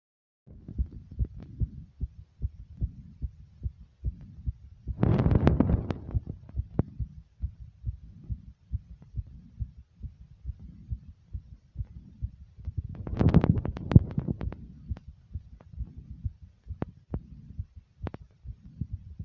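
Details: Self-recorded heartbeat over one minute while tired: rapid, regular low thumps throughout with two brief rustling bursts, a fast heartbeat (tachycardia).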